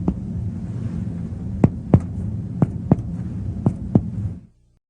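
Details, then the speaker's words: Paired lub-dub heart sounds, about 90 a minute over a low hum, from a healthy patient: normal S1 (mitral closure) and S2 (aortic closure). "Before auscultating the heart, let's review normal heart sounds. Closure of the heart valves creates a pair of audible heart sounds."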